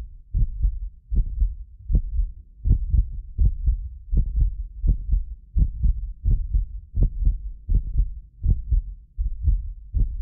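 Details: Heartbeat of a medically fit adult recorded with multiple precision contact microphones: steady low thumping at about 80 a minute; some beats doubled by microphone delay, not the heart. Normal heart sounds.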